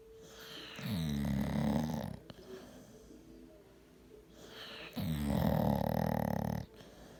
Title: Lyra snoring❤️❤️❤️❤️